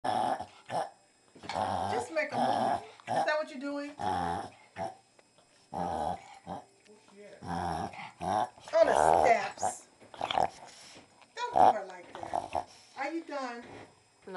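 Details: A dog's recurring reverse sneezing episode while over-excited: repeated loud snorting, honking inhalations in bursts, while the owner tries to calm it and hold its nose.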